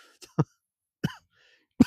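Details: Adult outdoors at old railway tracks: three short, sharp coughs with no rattle, plus a faint throat sound, in a quiet setting; dry cough.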